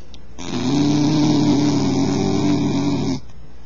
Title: bull terrier snoring